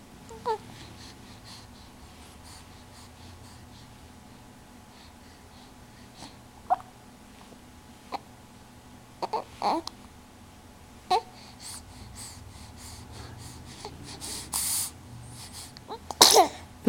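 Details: Baby sneezing in a quiet room: a few small catches, then a sharp sneeze burst near the end. An adult says bless you and notes the baby's eyes are a little red and puffy.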